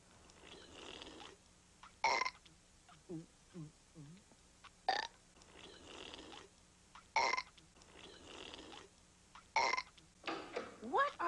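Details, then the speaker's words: Animated cartoon, not a real person: in a burp contest, characters make several loud, drawn-out burps alternating with short voiced sounds, and a parent says burping is not allowed in the house. "we're having a burp contest mom well knock it off I do not allow burping in this house"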